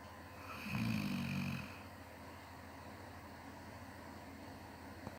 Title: Snoring 17th July